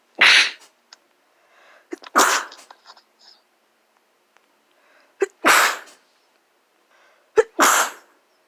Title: Oof (sneezes)